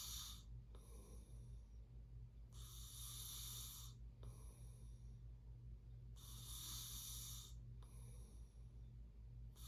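Rhythmic rasping snores on each breath, about four breath cycles over ten seconds, roughly 25 a minute, over a low background hum.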